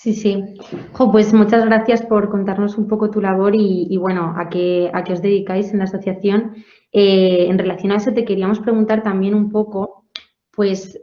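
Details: Adult woman interviewer; no disorder.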